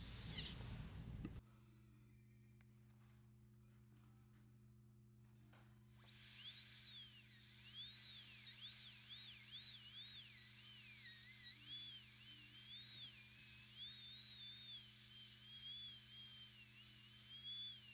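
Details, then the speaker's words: High-speed dental handpiece with a 1 mm diameter diamond bur, whining and rising and falling over room hum, cutting the occlusal reduction of a full metal crown preparation on upper molar #15, starting at the mesiobuccal occlusal plane. "After reassessment of the full crown preparation comes the critical occlusal reduction. We will start with the mesial buccal occlusal plane. Using the burr as a guide, the 11/16.1 diamond burr with a 1 millimeter diameter."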